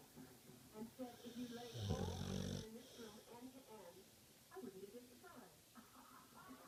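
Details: A loud, rough, rattling snore breath stands out against quieter breathing and soft room noise; snoring.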